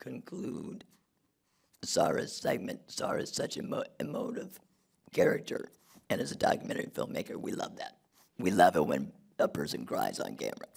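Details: Adult man who had a laryngectomy in 2016 due to long-term radiation damage from tonsil cancer treatment 19 years earlier; alaryngeal speech after laryngectomy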